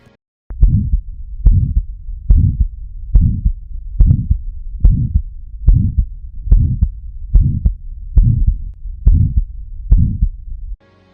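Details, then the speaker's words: Hypertrophic obstructive cardiomyopathy: regular heartbeat near 70 a minute with a whooshing, swelling ejection systolic murmur after each first sound, from thickened stiff walls obstructing outflow. "the walls cannot relax properly and may stiffen which in turn can obstruct the flow of blood this typically leads to an ejection systolic murmur"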